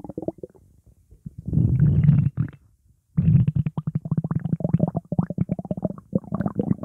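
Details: Borborygmi (stomach growling).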